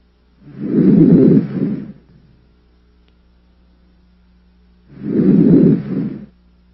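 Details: Two soft, low rushing deep mouth breaths heard by stethoscope over the posterior thorax of a healthy patient, without added sounds: normal vesicular breath sounds.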